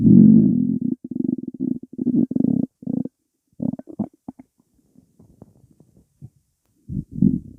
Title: Stomach rumbling